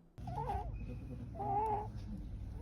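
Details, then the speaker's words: Stridor in a small baby: two high-pitched, crowing breath sounds, noisy breathing from a narrowed upper airway. "noisy breathing. One of the reasons in small babies is a strider."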